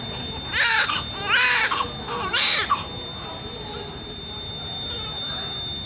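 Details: Newborn's first cry: three loud, strong wailing cries, then quieter room noise; a vigorous newborn cry, normal newborn activity.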